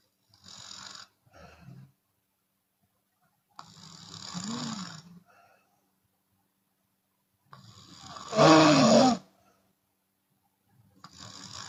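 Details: Chinese woman snoring with an open mouth, sometimes on exhale: repeated rattling snores every three to four seconds, one loud and vibrating; loud continuous snoring.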